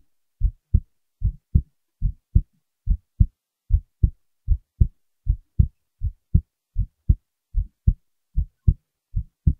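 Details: Clear, paired lub-dub heart sounds, regular at about 77 beats a minute, in silence. Heartbeat.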